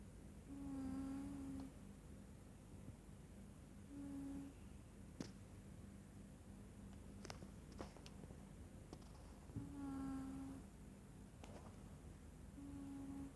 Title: Kucing Mendengkur #anabul #cat #catlover #catlovers #meow #mendengkur